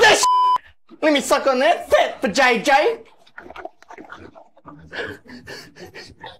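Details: Involuntary words and phrases from an adult man with Tourette syndrome; Tourette syndrome vocal tics.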